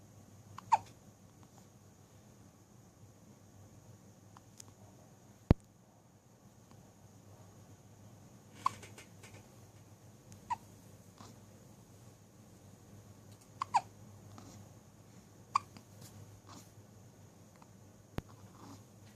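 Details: Hiccups: faint, sharp hiccups recurring irregularly, about seven in twenty seconds, over a low steady room hum.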